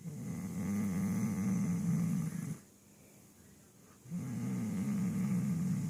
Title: Poppy snoring sitting up